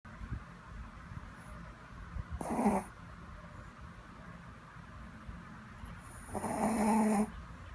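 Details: Sleeping dog: two loud rattling snores several seconds apart over quiet room noise; ordinary snoring.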